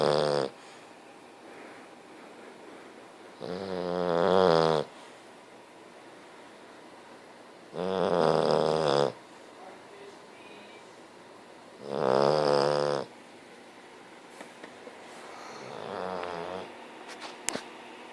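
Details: Very tired, sleeping English bulldog: four loud, rough, buzzing snores spaced a few seconds apart, roughly 15 a minute, with quiet pauses between them; snoring.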